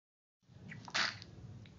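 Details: A single short, sharp sneeze from a three-day-old newborn, against a quiet room hum; part of a sneezing fit.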